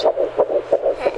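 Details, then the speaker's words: Fetal heartbeat on Doppler in a second pregnancy: fast, regular whooshing pulses in the 160s per minute, heard alongside the mother's own heartbeat, described as sounding really good: normal fetal heart rate. "you hear there's a heartbeat it's you and the baby together listen yeah yeah two heartbeats my body very cool it's in the 160s which is"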